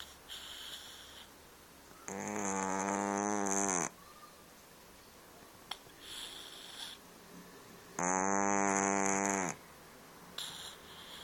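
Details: Loud, buzzing snores from a sleeping cat, each about two seconds, with quieter breaths between; ordinary snoring.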